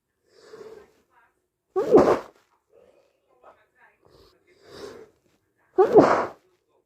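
Wet, forceful sneezes with softer breathy lead-in sounds between them, typical of sneezing with a cold.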